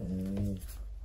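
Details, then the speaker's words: Masya snoring softly "like a child" during an orchid-care recording; snoring. "Да, Мася, вот, подхрапывает, как ребенок, а."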